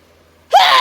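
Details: A single sneeze during intense autumn allergy sneezing: silence, then a sudden sharp, forceful burst of air with a brief voiced onset.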